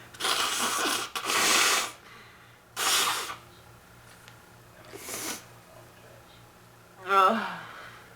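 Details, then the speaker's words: Adult woman on day two of an illness she calls bronchitis, with chest pains and feeling hot. About four harsh, forceful chest coughs in a quiet room, ending in a voiced groan. "day two of this I'm getting sicker I'm not blaming allergy and it's officially bronchitis and it's all her fault just so you know"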